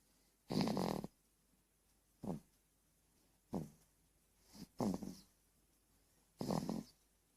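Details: Sleeping 4-month-old baby girl: short, soft, low snorting snores, five to six in seven seconds, with quiet pauses between; snoring.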